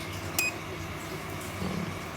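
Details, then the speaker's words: A single short high beep over quiet room hum as a touchscreen dry eye nebulizer therapy device with PID temperature control restarts after therapy ends, then begins initialising its temperature sensor, fan blower and peltier. "Kemudian untuk jika ada error atau bug bisa lakukan di restart ini, pencet restart,"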